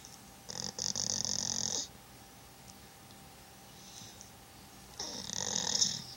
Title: Sake snoring then dreaming.